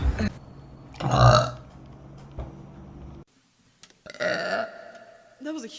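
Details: Burping by a girl: two loud, drawn-out low voluntary belches with brief speech between them.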